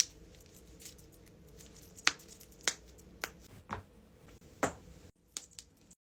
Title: cracking joints compilation